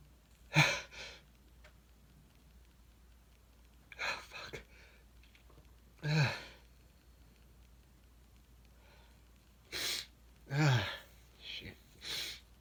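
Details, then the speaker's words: Adult male deliberately inducing sneezes, no allergies, extra sensitive after weather dropped from about 50 to 15 degrees: a volley of five or six abrupt, explosive sneezes, some with a quick inhalation first, over twelve seconds. "that's one good thing about the weather changing you know going from like 50 degrees to like 15 in a short time it makes me a little extra sensitive"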